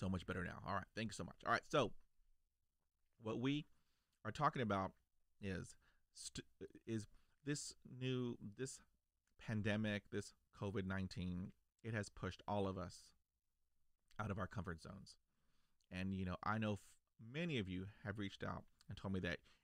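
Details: Adult male who stutters, a lifelong stutterer since childhood; stuttering.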